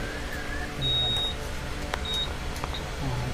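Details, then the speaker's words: Older-model Akash infusion pump, as used in ICU ambulances: short high-pitched electronic beeps over room noise as the first alarm sounds once the line is set up; infusion pump alarm. "Link ஆச்சுன்னா உங்களுக்கு ஓடணும் கரெக்டாக ஓடிட்டு first ஒரு அலாம் வரும், அது"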